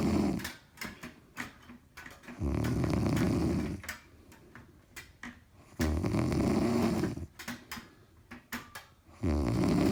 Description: is snoring very loudly.